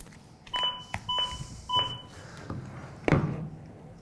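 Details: Zoll AED Plus CPR metronome in a hospital training demonstration: regular short beeps pacing chest compressions during the two-minute CPR cycle, with the sternal pressure sensor giving feedback, a thump and room noise.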